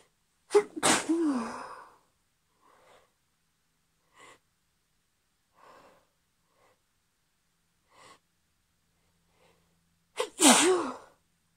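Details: Sneezing from hay fever, partly induced, in a UK female having hay fever for the first time this summer: two forceful sneezes about ten seconds apart with soft sniffs between.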